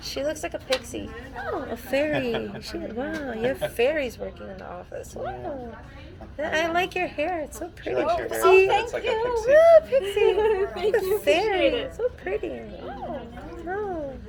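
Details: Adult woman with Tourette syndrome at an audiologist's hearing test, with involuntary interjections such as 'wow' and intrusive comments while speaking to staff; Tourette syndrome vocal tics.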